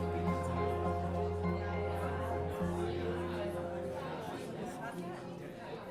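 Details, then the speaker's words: Simulated age-related hearing loss (presbycusis): a conversation with voices, low hum and music made muffled and dull by removing the high treble, so no words can be made out, unlike a child's or teenager's hearing. "suena aproximadamente una conversación para las personas con alguna pérdida auditiva relacionada con la edad y así la misma conversación para un niño o una adolescente"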